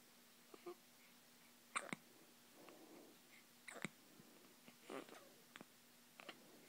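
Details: Soft, abrupt hiccups repeating every one to two seconds in a quiet room.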